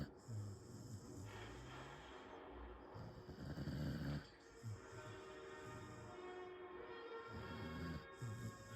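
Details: Snoring in a sleeping American Staffordshire terrier: low rumbling snore sounds recurring with each breath, about 16 a minute, over soft background music.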